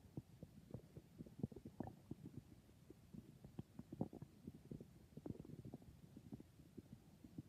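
Faint, continuous gurgling and bubbling with irregular soft pops: ordinary bowel sounds, stomach growling.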